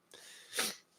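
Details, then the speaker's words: An adult man with a cold, congested and snuffly with frequent coughing, negative test; a single brief, airy cough. "uh you might hear me cough you're gonna hear i sound a little congested snuffly guys it's just a cold okay"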